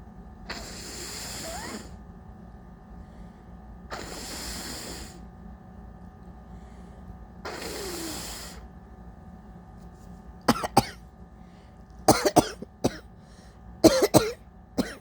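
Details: Very congested adult, woke with stuffy nose and sinus headache, attributed to allergies rather than a cold: three long, wet, hissing nose blows followed by clusters of short sharp coughs; nasal congestion with cough.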